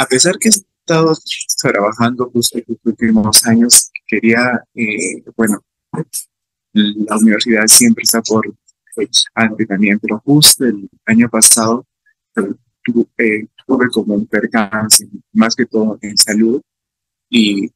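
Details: Adult male psychology student from Peru who stutters and is a stuttering-association activist, giving a real Spanish-language talk about his own experience at a stuttering festival; stuttering.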